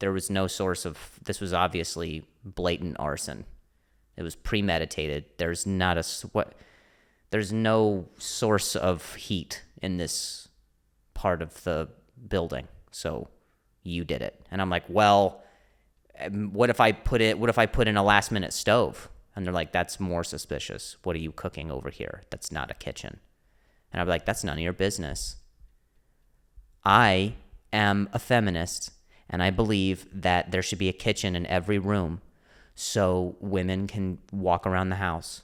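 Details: Stuttering, a speech impediment, in an adult male comedian speaking on his solo podcast.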